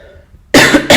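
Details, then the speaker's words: Adult in Argentina, two vaccine doses and awaiting a booster, about 20 days after mild COVID, with lingering cough and heavy sweating: a quiet pause, then a sudden harsh cough and a second burst; post-COVID cough. "but i still haven't completely recovered from it one of the most annoying symptoms that i have left is coughing and very heavy sweating"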